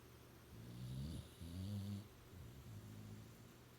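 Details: A sleeping dog snoring during a nap, low rumbling vibrations on each breath, two snores in under four seconds; snoring.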